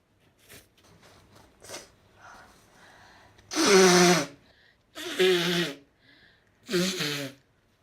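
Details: Three loud sneezes in quick succession, preceded by soft sniffs and breaths, in a quiet room, from a Japanese woman who also sniffles and blows her nose.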